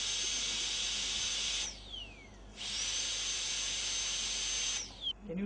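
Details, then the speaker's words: High-speed dental handpiece with an end-cutting bur cutting tooth without water spray, smoothing the margin in a molar crown preparation for a PFM crown; high-pitched whine in two runs, each falling in pitch as it stops. "see how I'm going to small full Strokes towards you and the entire margin becomes smooth okay so continue the same"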